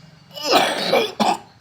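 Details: Two loud, harsh coughs in a quick run with a throat-clearing quality in a quiet room, in a person drinking bitter melon leaf as a cough remedy.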